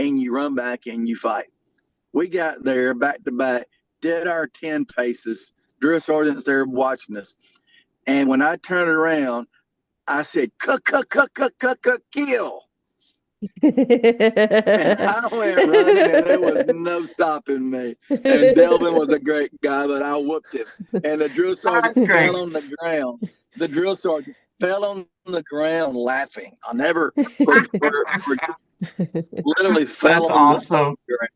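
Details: Adult male with lifelong stuttering that varies and was more severe in childhood: stuttering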